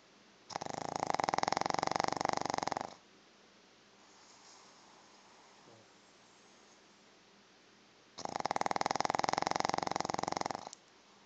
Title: More of my snoring Pug Chico